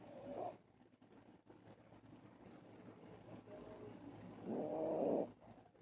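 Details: A sleeping dog gives two loud, rattling snores about four seconds apart, with quiet breathing between; ordinary snoring in deep sleep.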